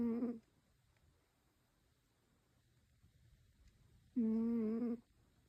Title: Cat snoring 😴😹 #catshorts #cat #funnycats #cute #catsnoring #cutecat #catlovers #hilarious